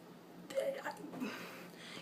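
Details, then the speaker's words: Adult with unexplained hiccups since walking back from the train, late at night, no food for hours: a sudden, sharp voiced hiccup in a quiet room, followed by softer breathy sounds. "I just got home and I have been hiccuping since I started walking back on the train and I have not eaten anything in hours so it makes zero sense"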